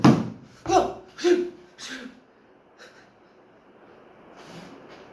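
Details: Speaker with Tourette syndrome making sudden snort-like vocal sounds between phrases; vocal tic.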